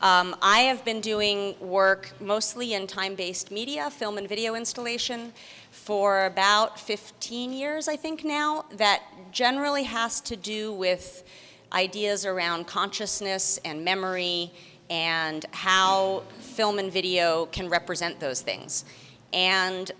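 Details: Adult woman speaking; no disorder.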